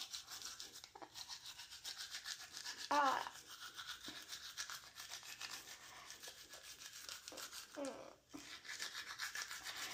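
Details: Steady scrubbing of a manual toothbrush on a child's teeth during a morning brushing routine at home, two-minute brushing, brief adult voice and room noise; manual toothbrushing.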